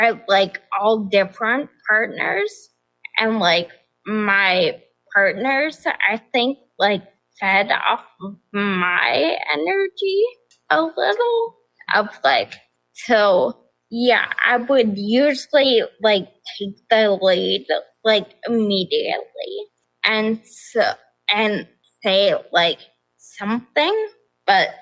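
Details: Adult woman with progressive ataxia of still-undiagnosed type; began at age 26; affects nerves, balance and speech, with nerve pain; mainly a wheelchair user; also severe anxiety and depression; ataxic dysarthria.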